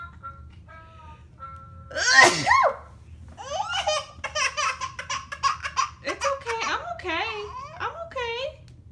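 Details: Mother sneezes (a real one) near her young son, who dislikes loud sneezes: a single burst-like sneeze followed by a child's high-pitched laughing and vocalizing.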